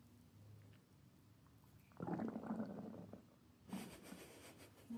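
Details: Quiet low hum, then two bursts of gurgling, bubbling rumbles with squeaky tones from a woman's stomach, typical stomach growling (borborygmi).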